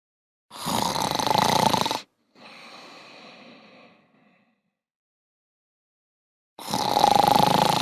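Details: Simulated snoring from sleeping robots in the PJ Masks cartoon: two loud, rasping, acted snore-like breaths with a softer exhale between them.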